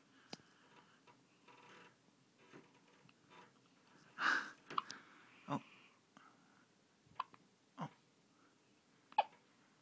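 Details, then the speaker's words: A baby's first hiccups while swaddled tightly: brief, abrupt little gulping sounds and soft murmurs in a quiet room. Infant hiccups. "Our little bean burrito had the hiccups."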